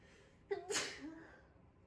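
A quick inward catch followed by one sharp explosive burst of air: a single sneeze.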